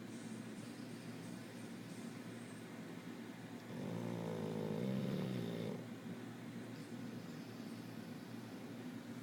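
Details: Dog snoring very loudly, likened to an old man: one low, rattling snore lasting about two seconds over a steady background hum; snoring.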